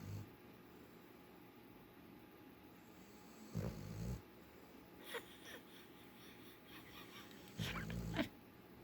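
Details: Sleeping dog snoring: soft low snoring breaths in a slow sleeping rhythm against quiet room noise.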